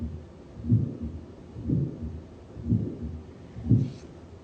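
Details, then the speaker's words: Patient simulator, aortic stenosis murmur, said to occur as patients age: heartbeat at 60 a minute with a soft whooshing murmur, loudest over the aortic valve, quieter over pulmonic, heard here away from the valve. "It's called aortic stenosis. Wow, that's some whoosh, huh? Now you'll hear it, we're listening over the aortic valve, so obviously it's the loudest."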